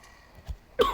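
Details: Male gamer recording commentary who apologizes for coughing and says he can't hold it back: a soft throat sound, then a single short, sharp cough burst.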